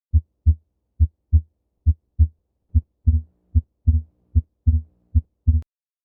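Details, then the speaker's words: Pediatric cardiology teaching recording of a normal child's heart: regular heartbeat near 72 a minute, the second sound briefly splitting and rejoining with respiration; normal physiologic splitting of S2. "People often talk about the splitting of S2. In normal children, it is normal to hear a variation in the splitting with respiration."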